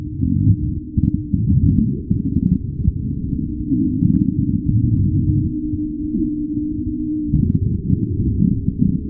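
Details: Stomach growling (borborygmi), recorded by request.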